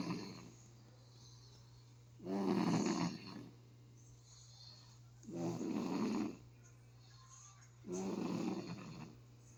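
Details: Snoring recorded July 17, 2023: three loud rattling snores, about 21 a minute, over a steady background hum; ordinary snoring.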